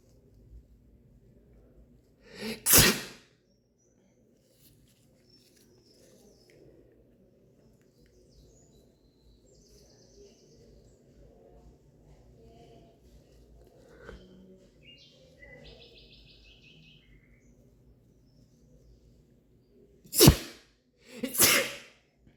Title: MAKING MY BOYFRIEND SNEEZE! More in patreon!!